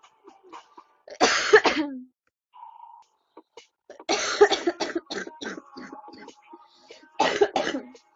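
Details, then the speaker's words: Three harsh coughing bouts, each a burst of several coughs, with quiet voices between; repeated coughing fits in a girl who says her cough is getting worse. "You're gonna kill me though. Why is my cough getting worse?"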